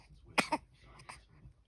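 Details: Young boy who has learned to fake cough: two quick, light, deliberate cough bursts, a voluntary fake cough rather than an illness cough.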